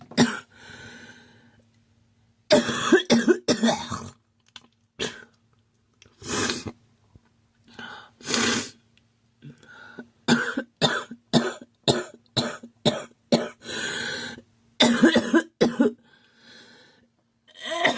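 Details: Girl who thinks she is getting a cold, with a scratchy, sore throat: bouts of short, dry-sounding coughs and throat clearing, repeated many times; cough with a common cold.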